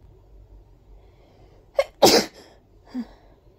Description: Those were so big and wet... Felt really good letting them out like this 😋🤧